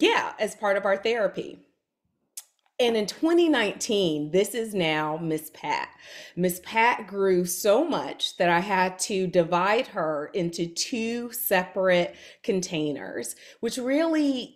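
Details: Adult woman; typical speech.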